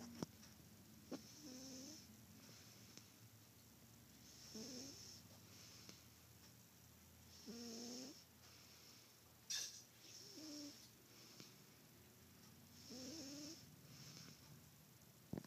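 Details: Soft, repeated snoring sounds on inhalation during sleep, roughly every three seconds, over steady room hiss; snoring.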